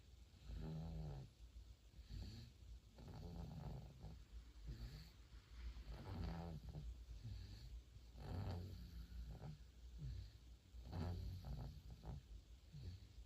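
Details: 4-month-old baby snoring while asleep: soft, low rumbling snores with each breath, roughly 22 a minute; snoring.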